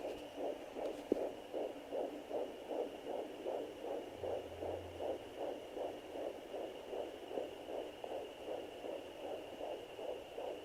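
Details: Fetal heartbeat on Doppler at 13 weeks 5 days of pregnancy: rapid, regular whooshing pulses at about 150 per minute.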